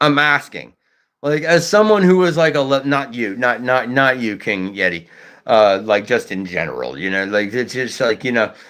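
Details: Adult male livestreamer who says he stutters at times and is nearly five years off hard drugs; stuttering.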